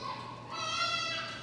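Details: Baby crying in the audience during a Buddhist Dharma talk: a high, sustained wailing cry rising over room noise.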